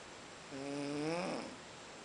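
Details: A pet snoring asleep after a long day at Boiçucanga: a single drawn-out, buzzy, tonal breath, heard as a dog snoring.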